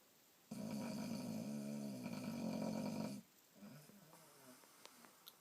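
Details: Boxer dog snoring in its sleep: one long, rattling, fluttering snore on a single breath, then quieter breathing.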